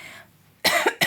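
Two quick, harsh cough bursts from an adult after a brief quiet pause.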